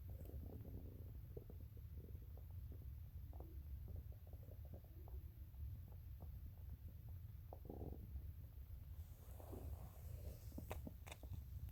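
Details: Low, rumbling gurgles and squelches shifting irregularly over a steady deep background hum: stomach growling (borborygmi).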